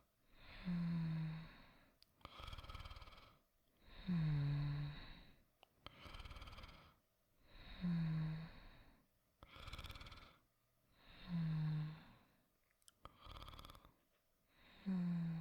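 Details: Simulated snoring voice-acted by a performer as the character Angel Dust falling asleep: soft, regular snoring at about 17 breaths a minute, with a low rattle on each inhalation and a quieter breath out.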